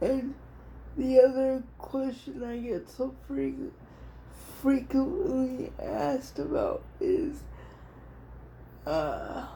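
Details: Adult female with cerebral palsy, diagnosed at 6 months old, which she thinks is level 4 or 5, affecting all parts of her body, including her hands and somewhat her speech; she also has dystonia. Dysarthria (cerebral palsy).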